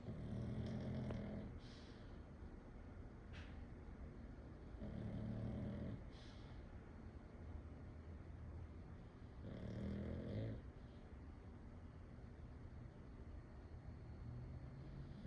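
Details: Three low, rumbling snores about every four to five seconds, roughly 13 breaths a minute, from a female pug sleeping in her new bed, over a steady background hum: dog snoring.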